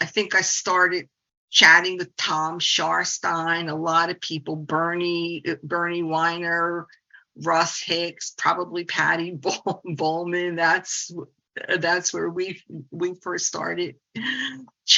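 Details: 68-year-old woman, a speech-language pathologist who stutters, says the stuttering support community changed her life 25 years ago; stuttering.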